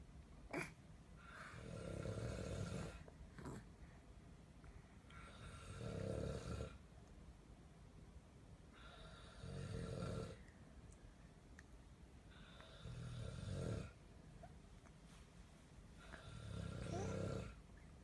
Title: Em bé bắt chước Papa ngáy/baby imitates Papa’s snoring